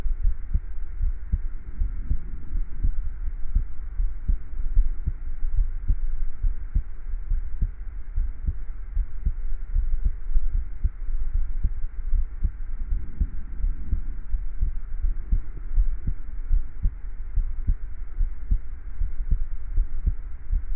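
Steady, regular low heartbeat thumps continue evenly throughout, with a faint background hum.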